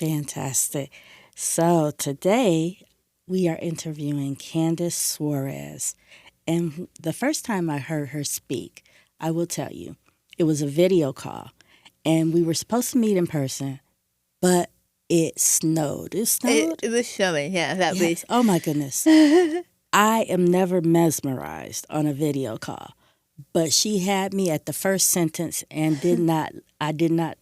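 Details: Adult woman speaking (interview host); typical speech.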